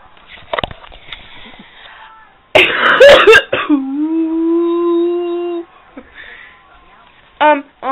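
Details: Loud burst of two or three harsh coughs and a long drawn-out voiced groan in a quiet room; coughing a lot; cough.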